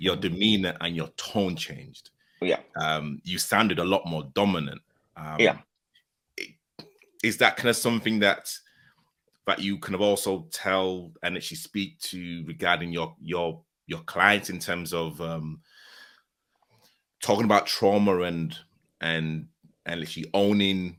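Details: Adult male speaker; normal speech.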